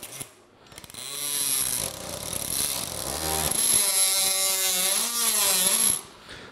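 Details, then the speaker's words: Powered oscillating saw cutting the posterior-stabilized box on the femur of a sawbones model during a total knee replacement demonstration. A high buzzing whine that changes pitch as it cuts. "هنمشي على بالمنشار بتاعنا على حدود، طبعا ما احدفش شمال ولا يمين جامد علشان ما اكلش في العظم ولا نطش العظم."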